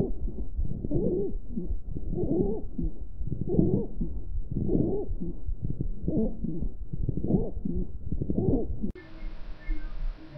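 Stethoscope chest sounds with repeated low, rough bursts over each breath, consistent with rales (crackles).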